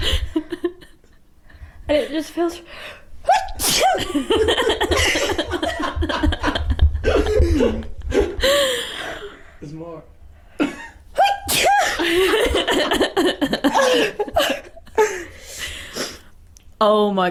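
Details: Sneeze compilation with several people: repeated sneezes and snorts mixed with talking and laughter.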